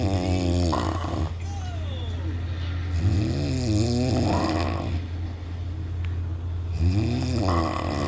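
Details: Snoring during sleep: repeated smooth, rumbling, voiced snores over a steady low hum.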